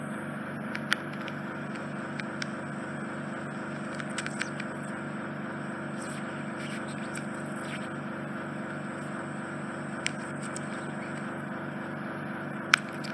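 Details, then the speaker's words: Endoscopic ear suction of a male's infected right ear canal with stuck debris on the canal wall and atop the eardrum: steady suction hiss with sharp crackles and clicks like paper crackling. "I'm just bending over all the sound they're not the most soothing are they no much truth about people set back it sounds like five paper crackling"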